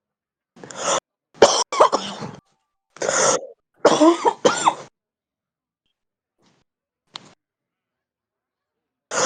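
Several harsh, chesty cough bursts in quick clusters with throat clearing, then a pause and another cough; a heavy smoker's cough.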